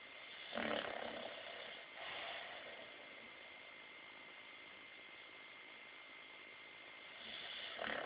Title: Milo snoring